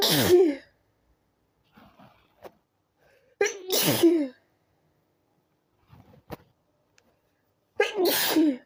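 Three loud, explosive sneezes, each with a short breath-in before it, separated by quiet breathing and sniffs.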